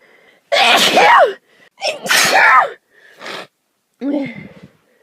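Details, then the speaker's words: Girl having an allergy attack in a car with a dog (allergic to dogs): two forceful sneezes, each with a sharp in-breath, then two quieter catching breaths. "Sneezing just makes it worse. Usually when I have an allergy attack and it starts the back of my throat itching and then my eyes start watering."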